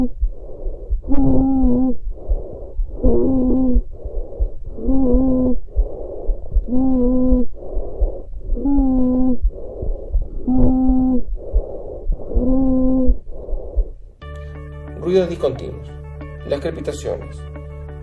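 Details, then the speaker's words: Stridor: loud, harsh, continuous musical noise of intermediate pitch on each inspiration, with noisy expirations, about 32 breaths a minute, audible at a distance; from laryngeal or extrathoracic tracheal obstruction. "El estridor es un ruido continuo de tonalidad intermedia, intenso y audible a distancia. Se produce cuando hay obstrucción de la laringe y de la tráquea extratorácica."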